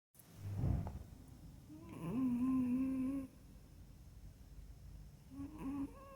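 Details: Pug puppy snoring in sleep: a snorting breath followed by high, whistling, whiny snoring tones; noisy sleep breathing.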